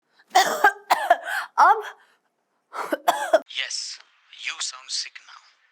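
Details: Acted, deliberate voiced fake coughs followed by raspy throat-clearing, performed to sound sick; simulated cough, not a real illness.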